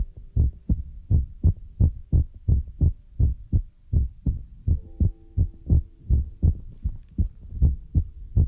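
Steady low thumping beats at roughly 80 a minute, with faint tones in the background; a heartbeat sound.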